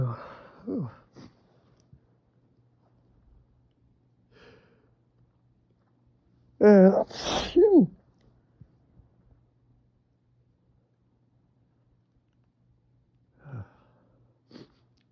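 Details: A loud sneeze with a drawn-in breath before it, among sniffs and quiet breaths, in a fit after a day of itchy nose on a windy spring day with pollen; sneezing.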